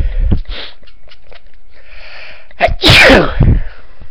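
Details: One loud, forceful sneeze with a sharp intake and explosive burst, after a few short sounds, which the person blames on a product they were using. Sneeze.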